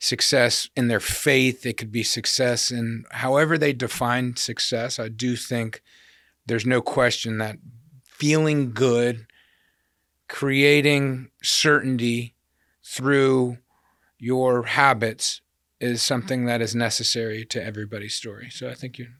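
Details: Adult male speaker; typical speech.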